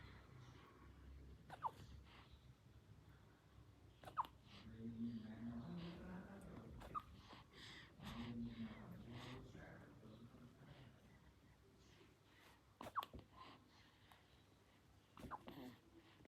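Brief, sharp catches in an infant's breathing, about five over sixteen seconds, with soft fussing sounds in a quiet room: hiccups.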